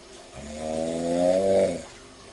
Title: Very Hard Snoring